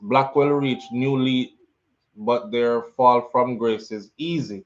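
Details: Adult male speaker; ordinary speech.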